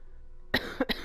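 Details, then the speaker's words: Sick adult who has been sneezing and coughing for days, out of medicine, and says talking hurts, gives three quick, short coughs in a small room; a plain cough. "so sorry if you hear the sniffles and the coughs and everything else I'm sorry in advance just remember I'm sick and it hurts to talk"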